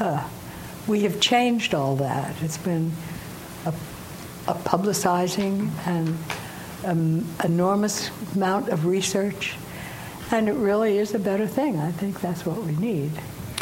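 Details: Woman aged 89, some time after a stroke causing aphasia, says syntax still breaks down; aphasia (mild, recovering).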